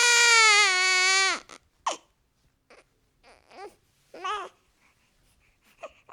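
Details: Newborn baby boy giving one long, high, strong cry, then short whimpers and small fussing sounds; newborn cry.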